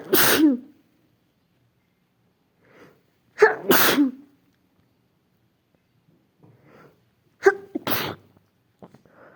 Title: sneezing sick fit